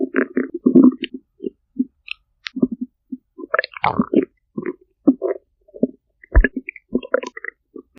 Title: chubby girl stomach growls